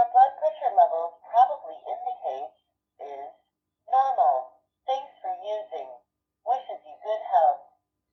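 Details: A recorded voice from a digital home blood pressure monitor speaks the measured reading aloud in short phrases after an arm-cuff measurement at rest.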